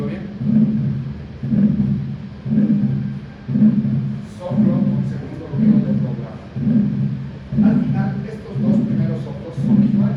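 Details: Teaching heart sound recording from a cardiology lecture demonstrating a holosystolic murmur.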